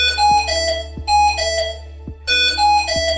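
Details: Repeating melodic multi-tone alarm pattern with a steady low hum underneath, from a HAMILTON-MR1 ventilator (software 3.0.x) during a demonstration of its special function keys; ventilator alarm.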